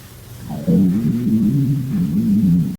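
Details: Low, continuous wavering rumble with gurgling pitch shifts: stomach growling (borborygmi) from a girl's empty stomach after reportedly not eating for 3 days.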